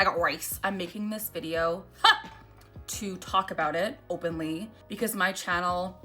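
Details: Woman with Tourette syndrome producing a new echolalic vocal tic, present for two days and picked up from hearing others say it; vocal tic.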